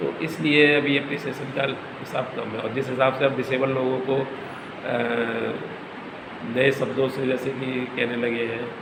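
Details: Adult male speaker; stuttering.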